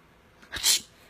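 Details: Baby sneezing after laughing: one short, high, breathy burst with a small catch of breath before it.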